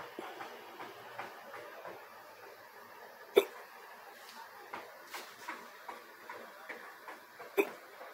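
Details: Adult recorded walking back to a hotel after a beach day: two sharp, abrupt hiccup sounds about four seconds apart over faint rustling; another hiccup episode.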